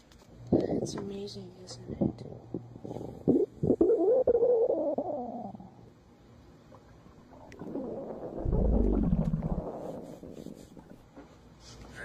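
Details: Borborygmi (stomach growling).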